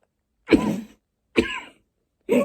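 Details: Three short, harsh cough bursts in quick succession from an adult who has been coughing almost nonstop all day and is tired before bed; persistent cough.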